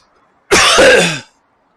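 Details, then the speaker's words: Dry cough in an adult cycling home at 9 PM in chilly night air: loud, harsh, rasping bursts without wet sound; nose clear, suspects daytime air conditioning rather than a cold. "还太冷了，还是感冒了，不停的咳嗽，什么情况？哎呀，什么情况？干咳。"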